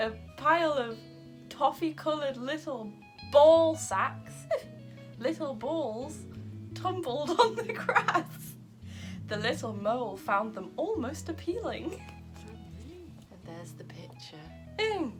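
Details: Adult woman with Tourette syndrome reading a children's story aloud while her vocal tics interrupt the reading; Tourette syndrome vocal tics.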